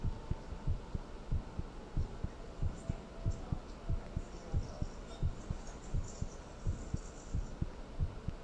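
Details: Steady, regular low thumping heartbeat in paired beats over a soft background hum.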